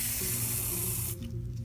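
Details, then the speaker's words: Paronychia of the toe, no lidocaine, before incision and drainage: steady hissing cold spray that stops abruptly, applied to numb the toe; vapocoolant spray. "Here, you want me to do the cold spray? Yeah, but you have to kind of be ready or not. Okay, I'm gonna spray this."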